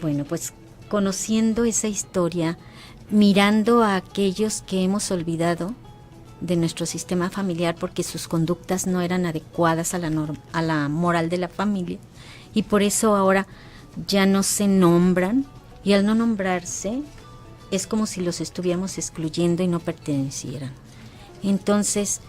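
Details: Adult woman speaking Spanish; normal voice.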